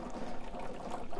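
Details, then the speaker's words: Chest drainage system in a set-up demonstration, not connected to a patient: continuous rapid, vigorous bubbling in the suction control chamber, suction set stronger than needed, which only evaporates more water. "now ideally we want the suction to be more gradual if possible"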